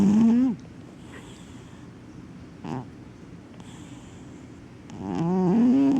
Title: Yogi Snoring